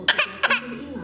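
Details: 9-month-old infant boy standing on his own and fake coughing: two short, bright, playful cough-like bursts, a deliberate imitation of coughing rather than an illness cough.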